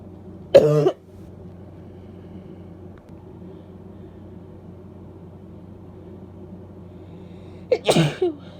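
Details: Female sneezing during a cold, with barking cough.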